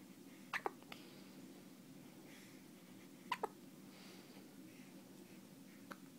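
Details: A 1-day-old newborn with hiccups: soft, abrupt little hiccup sounds, some in quick pairs, over a quiet room hum; newborn hiccups.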